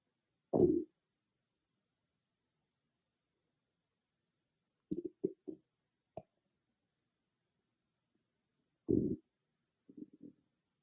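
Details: Own stomach growling recorded with an iPhone microphone, not an ASMR microphone: short bursts of loud gurgling growls separated by silence; ordinary borborygmi.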